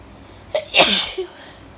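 A single sneeze: a short in-breath, then a loud, wet, explosive burst with a brief tail. Fits an allergy sneeze.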